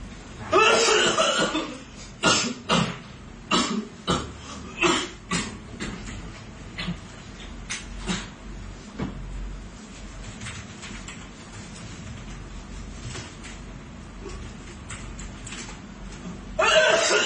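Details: Deliberately faked cough for a prank in an internet café: a burst of harsh coughs, then fainter rough coughs and throat clearing in a small room; acted cough.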